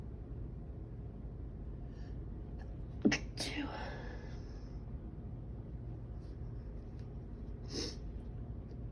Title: Sneezing fit attempts at Stifles